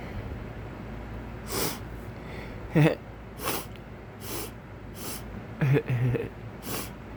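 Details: Pet sneezing: about seven short, snorting sneezes in a row from a small animal against steady room hum.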